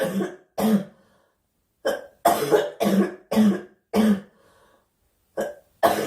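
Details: Girl coughing during a live stream, wishing aloud for the cough to stop: about nine short, harsh coughs in clusters separated by pauses, with some throat-clearing quality; repeated cough.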